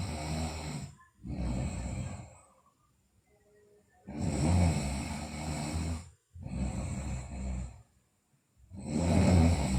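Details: Sleeping girl snoring: loud, rough, vibrating snores with brief pauses, roughly 13 breaths a minute.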